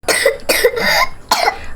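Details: A child with a cough gives a quick run of about four short, harsh coughs in close succession: a coughing bout.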